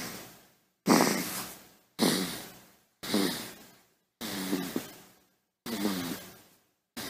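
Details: Baby snoring, royalty-free sound effect; quick regular noisy breaths, about 54 a minute, each with a brief low rattling, snort-like tone; infant snoring.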